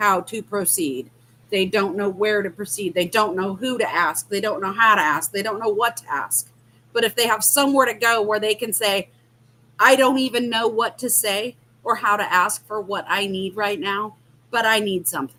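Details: Adult woman speaking; normal speech.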